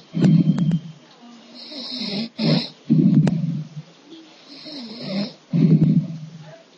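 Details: Loud rattling snores on each in-breath with softer whistling out-breaths, about 20 breaths a minute, from a sleeping person; snoring.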